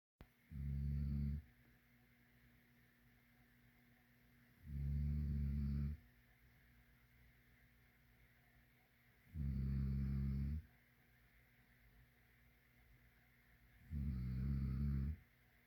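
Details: Deep, rumbling snores repeating regularly, about 13 a minute, each lasting about a second with quiet breathing between: steady snoring.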